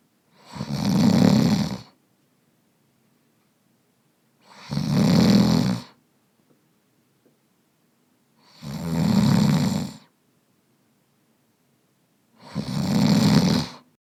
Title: Snoring Man